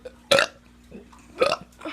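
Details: Teen voluntarily doing two loud, brief voiced belches about a second apart in a quiet room, deliberate burping.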